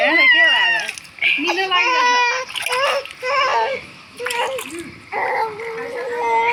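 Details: Baby boy crying during his bath: repeated high-pitched wails with short breaths between them, water splashing in the background; infant crying.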